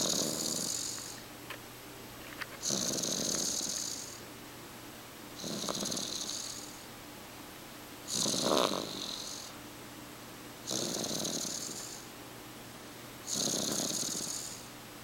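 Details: Light snoring: soft, hissing, airy snores repeating regularly, about six in fifteen seconds, over a steady room hum.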